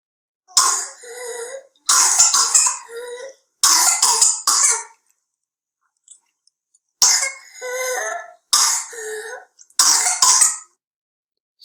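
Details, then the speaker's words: Child with pertussis: clusters of rapid harsh coughing fits, each followed by a strained, high-pitched whooping inspiration while struggling to breathe; whooping cough. "as you saw in the video the kids are really struggling to breathe and when he does breathe you get that high whoop sound and that's the the whoop sound that i mentioned earlier which is how uh pertussis is also known as whooping cough"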